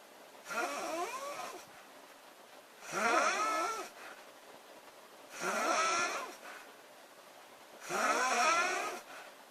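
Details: Loud snoring from a sleeping girl or woman.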